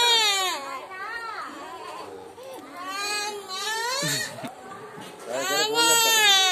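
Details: Young child crying: loud, high-pitched wailing in repeated rising and falling bursts with brief catches of breath between them.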